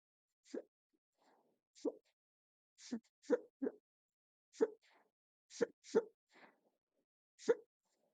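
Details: Induced hiccups filmed from a stomach view: about ten quiet, sharp, click-like hiccups in quick succession over eight seconds; repeated hiccups.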